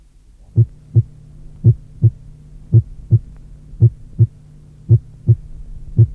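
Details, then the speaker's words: Simulated heartbeat at about 56 a minute with a sharp first heart sound louder than the second, typical of a short PR interval of 0.12 seconds. "On observe habituellement que, lorsque l’intervalle PR est de 0,12 seconde, le premier bruit cardiaque est sec et plus intense que le deuxième bruit : figure 3."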